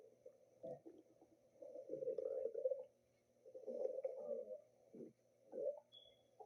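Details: Pet's stomach growling: low gurgling rumbles in several bursts over a few seconds, quiet room noise between; borborygmi.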